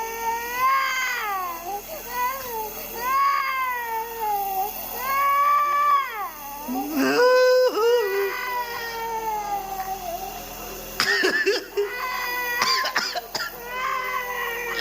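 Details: A 10-month-old baby with cough and cold cries in repeated drawn-out wails during steam inhalation, with a steady steam machine hum in the background; infant crying.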